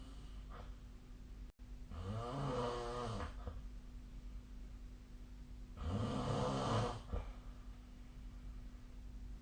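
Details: Snoring during sleep, recorded with the SnoreLab snore app: two long, rattling snores on the in-breath a few seconds apart, quiet breathing between, steady room hum.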